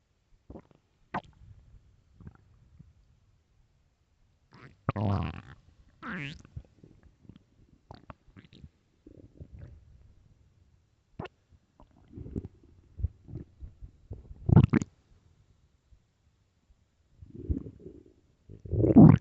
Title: 9 minutes of loud famished stomach growling